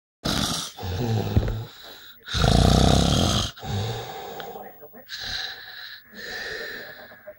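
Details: Sleeping adult boyfriend, said to snore like a wounded buffalo: loud, rough, rattling snores on each breath with softer breaths between; snoring.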